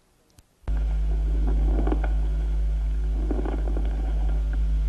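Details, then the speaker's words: Dry crackles, discontinuous pops like unfolding crumpled parchment, bursting one after another in limited lung areas and countable; two breaths with fine crackling pops like frying oil over a low hum: fine crackles. "el crujido seco es un ruido discontinuo parecido al estallido que se produce al desplegar un pergamino arrugado en zonas limitadas del pulmón estallan uno tras otro y se pueden contar"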